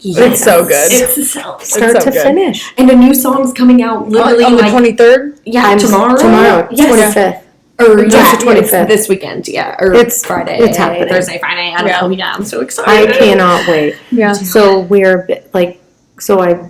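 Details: Adult woman, conversation; Normal conversational speech.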